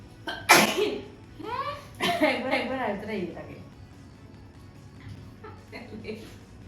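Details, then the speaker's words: Sneezing challenge recording: a loud, sudden sneeze burst, then high-voiced laughter and softer breathy sounds in a small room. "Hey guys, welcome back to our channel. I'm recording sneezing challenge."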